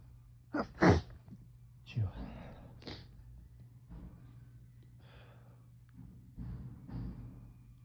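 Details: Fall allergy sneezing just after waking in the morning, itchy nose; suspected ragweed or mold from dead leaves: two sharp sneeze bursts, then quieter breathy sounds and sniffs over a low room hum.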